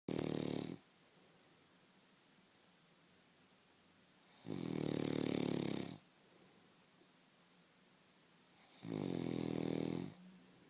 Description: My husband wakes me up with his snoring